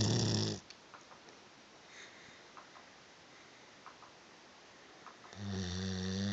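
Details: Labrador dog snoring very loudly: loud, low rumbling snores at the start and end, with a quiet pause of about five seconds between them.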